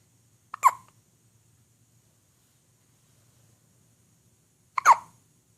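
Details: Two abrupt, sharp hiccups about four seconds apart in a quiet room, each a quick catch with a brief voiced chirp: hiccups.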